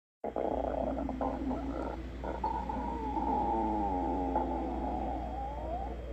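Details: Stomach growling: gurgling, rumbling bowel sounds with long squeaky rising and falling tones; ordinary borborygmi.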